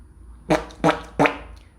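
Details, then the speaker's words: Three short, abrupt, identical vocal bursts in quick succession from a woman with a tic disorder; the tic picked up a sound she had just imitated and kept repeating it; a repetitive vocal tic. "me imitating it that's all natural tech right now um and see that was i i imitated it the first upper [Music] and then my tick picked up on it and started repeating itself"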